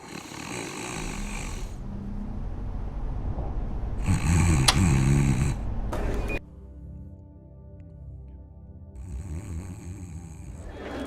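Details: Acted adult snoring: loud, rough, rattling breaths in repeated bursts, with background music between them, portraying a partner snoring at night.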